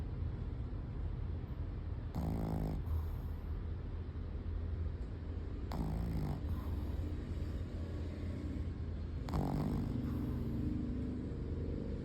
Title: Snoring Oreo 😴😴😴 #shihtzu #pets #cute